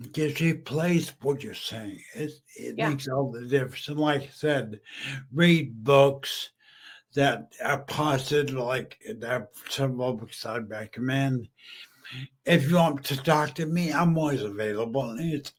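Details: Aphasia in a male stroke survivor about 15 years after stroke and brain injury; he was once mute, is half paralyzed and uses a wheelchair.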